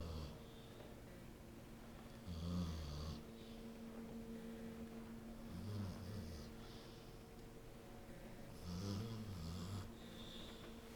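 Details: A female dog sleeping on a couch, sometimes with her eyes open, gives soft, low snorting breaths at steady intervals, about three in eleven seconds, over a faint hum. Gentle dog snoring.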